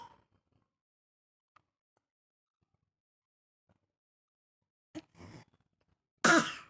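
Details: Coughing from a child named in the video as unwell with cough and cold.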